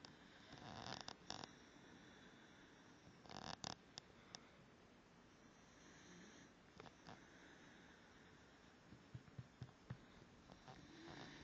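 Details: A sleeping Basenji dog snores loudly: soft, rough snorting sounds recur every few seconds over quiet room noise.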